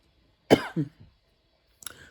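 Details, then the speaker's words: Cough from an adult woman with allergies and asthma flaring in cold, changing weather; she states she does not have COVID-19. "So, you know, now that I got this disclaimer out of the way, so if you hear me cough or whatever, y'all know what it is."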